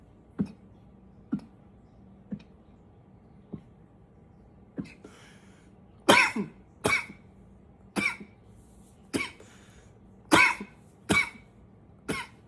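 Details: Coughing a bit: five soft, short coughs, then seven louder, harsher single coughs about a second apart; repeated dry-sounding coughing.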